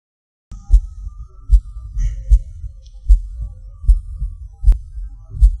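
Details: Recording of own heartbeat with PVCs/PACs: low thumps about 76 a minute, uneven spacing, early beats and pauses, felt as a falling sensation; irregular heartbeat with premature beats, skipped and extra beats.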